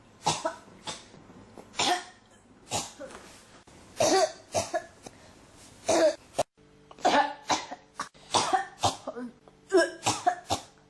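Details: Coughing that won't stop (ASMR-tagged recording): about fifteen short dry cough bursts with throat clearing in eleven seconds; persistent cough.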